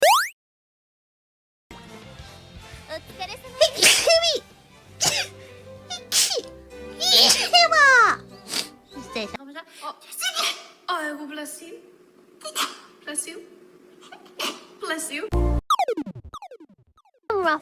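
A series of sharp sneezes from different people, some quickly repeated, mixed with speech and background music; ordinary sneezing.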